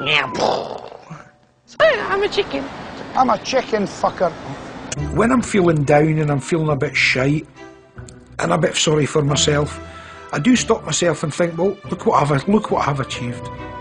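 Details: Man with Tourette syndrome producing involuntary vocal tics; vocal tics (Tourette syndrome).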